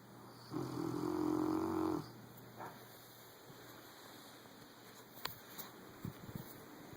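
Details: Sleeping Rottweiler snoring loudly: one loud, vibrating snore on an inward breath, followed by quiet breathing and small rustles; snoring.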